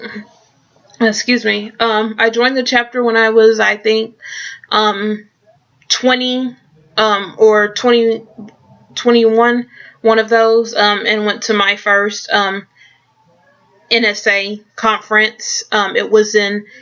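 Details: Adult who stutters; repetitions and interjections, stuttering.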